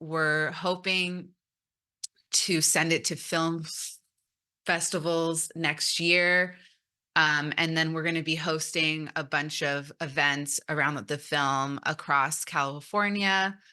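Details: Stuttering in an adult woman who stutters, speaking at a stuttering conference.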